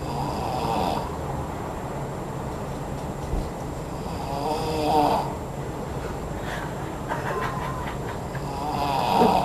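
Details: A man snoring during sleep in Acapulco: slow, rough, uneven snoring at about 14 breaths a minute over steady room or traffic noise.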